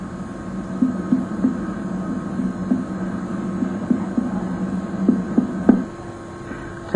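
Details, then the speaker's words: Light percussion of a female patient's abdomen while she lies relaxed with bladder emptied: about ten hollow finger taps over a steady hum, assessing tympany (gas in stomach or intestine) versus dullness (fluid, feces, mass or enlarged organ). "indicates gas in the stomach or intestine dullness suggests fluid or feces note any large area of dullness that might suggest a mass or enlarged organ"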